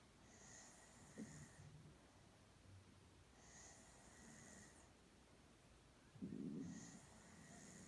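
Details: Girl sound asleep with soft, low snorting breaths, then a louder rattling snore near the end, over steady background hiss.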